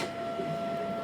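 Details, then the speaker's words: Steady fixed-tone mechanical hum as the OxyGEN device, an automated squeezer of a resuscitator bag rather than a conventional ventilator, is switched on with lid closed; automated ventilator running. "We close the lid and turn on the device, check that the bearing is correct and that the light alarm works."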